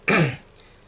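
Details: Adult with hoarse voice recovering from cough and throat inflammation; cough.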